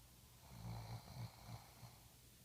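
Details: A low, fluttering snore on a single breath from a sleeping person in a quiet room; ordinary snoring.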